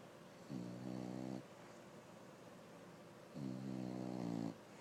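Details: Fiona, an English bulldog, snoring while her pup nurses.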